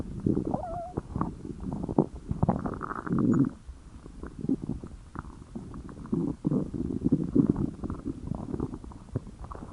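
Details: Tex's belly gives low rumbling and bubbly gurgling with squeaky bits; the stomach growling is described as from hunger, normal borborygmi.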